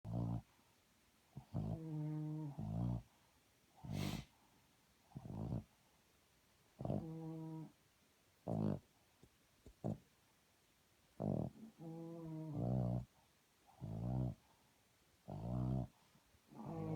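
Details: Repeated low, rattling snores in short bursts with quiet gaps between, uneven in rhythm, during sleep; the poster wonders whether it is snoring or farting; snoring.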